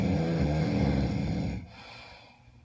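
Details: Roommate's bad snoring during sleep: a single loud, low rattling snore fading into quiet breathing noise; snoring.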